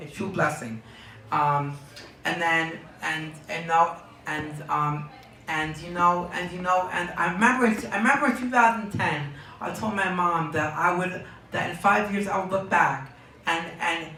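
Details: Young man diagnosed with Tourette syndrome at age four, speaking in an interview; word and phrase repetitions in Tourette syndrome.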